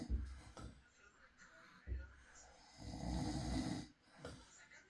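Low rough rattling on breaths in, with soft snorts, during sleep: snoring.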